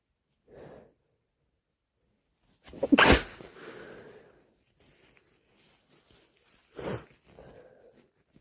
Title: Absolutely loaded with the cold! Sneezing and blowing all day (Compilation)